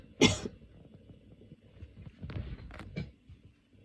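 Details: One sharp cough, then a few weaker coughs and throat sounds, from an adult with a cold, runny and blocked nose. The fit came on during aroma inhalation and made the lungs painful; cough from a common cold.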